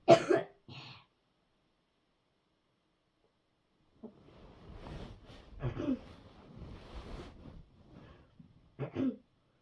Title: Hard coughing in bed